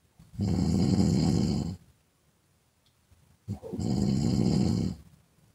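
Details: Snoring in a woman, recorded as a half-hour sound effect: two loud, long, rattling snores on the in-breath, separated by a quiet pause.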